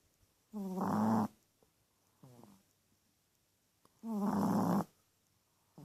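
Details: Teacup Chihuahua snoring loudly: two loud, rattling snores about three seconds apart, with a softer buzzing breath between them, in a quiet room.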